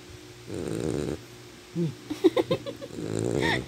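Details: Sleeping animal described as a Sharphie: low rattling snores on breathing with a few brief squeaky noises between; snoring.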